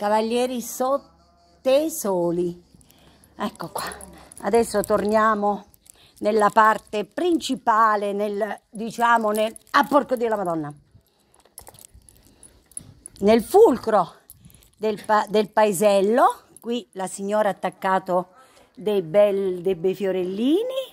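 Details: Adult female with Tourette syndrome (real, not acted): vocal tics with coprolalia, sudden involuntary swearing outbursts interrupting her speech.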